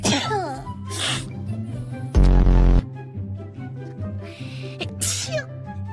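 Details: Short, sharp sneeze-like bursts of breath noise over steady background music; sneezes.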